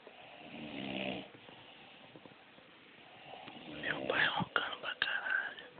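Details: Sleeping father snoring, likened to an old car: rough, rattling breathing sounds with uneven louder snorts.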